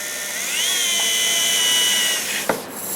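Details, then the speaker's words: Surgical bone drill, high-pitched whine rising in speed then running steadily, ending with a brief knock, drilling an implant osteotomy on a model during a dental implant training demonstration. "okay then we start to drilling to make the mock insider size on the boom"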